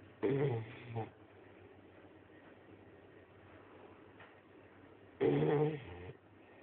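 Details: Sleeping Shar Pei puppy snoring: two short, low, snorting snores about five seconds apart, with quiet breathing between.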